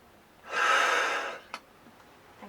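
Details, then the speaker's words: Adult male patient in a pharmacy inhaler-technique check, breathing in through an inspiratory flow-measuring device as if using an inhaler: one quick, forceful in-breath of about a second that went off the scale, too fast for a metered-dose inhaler. "so breathe out as far as comfortably possible and then just breathe in through there and just want to measure how quickly or slowly you're breathing in okay"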